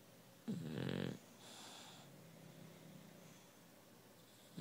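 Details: Female bulldog asleep: a single loud, low, rattling snore on an in-breath, followed by quieter noisy breathing.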